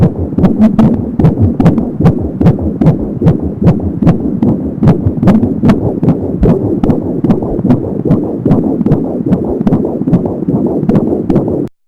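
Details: Fetal heartbeat at 21 weeks of pregnancy heard on an Angel Sound fetal Doppler: rapid, regular beats at 170 a minute, with a soft whooshing umbilical cord sound.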